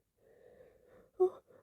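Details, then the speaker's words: Single wet sneeze that the person tried to hold back with a tissue: quiet, drawn-out wavering breath in, then one sharp explosive burst. "That was so wet. That was such a mess."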